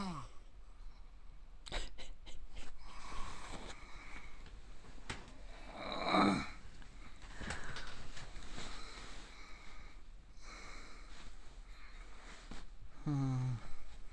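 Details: Self-deprecating clip of an adult man (a "raccoon-dog old man") asleep, not waking even when hit or eyes forced open; loud, rough snorting breaths, some squeaky and whistling; giant, heavy snoring.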